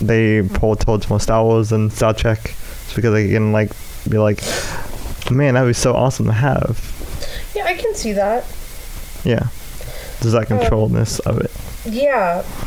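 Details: Dysarthric speech in an adult male with cerebral palsy affecting the right side of his body, including right arm and leg, which he says causes his speech impediment.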